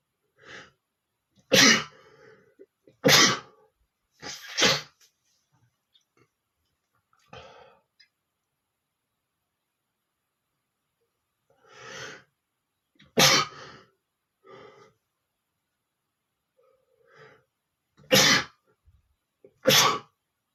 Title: sneezing male #6 (sneezing loudly)